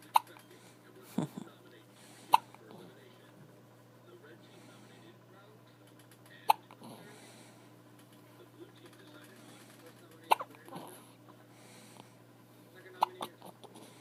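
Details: Infant hiccups: about six short, sharp hiccups over fourteen seconds at uneven gaps, with faint room noise.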